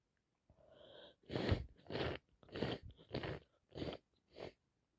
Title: wet snotty sneezes been sneezing and sneezing all day long